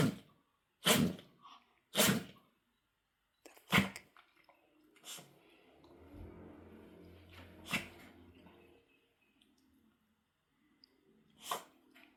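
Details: A run of about five sharp, short sneezes with snorting and sniffing between them, in a pet (Coco), described as a bad new bout; sneezing.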